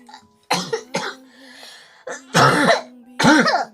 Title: Girl Coughing 335